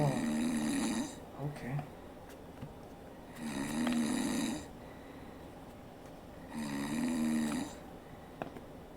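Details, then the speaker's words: Recorded snoring played back during a test of ear muffs for sleep: three loud, buzzing inhalation snores about three seconds apart, roughly 19 a minute, over faint room noise. "the White Noise helps yeah it helps a bit but uh yeah I can still hear the snoring"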